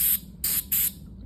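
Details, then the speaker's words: Three short hissing bursts of air from a dental air-water syringe, tip not attached, during a routine morning dental office opening equipment check. "after checking that they are on we are going to make sure that our air and water is is correctly working"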